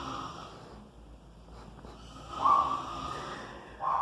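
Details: Father snoring heavily while asleep at 1:40 a.m., recorded by his child who shares the room: loud, rasping breaths with a throaty rattle on inhalation.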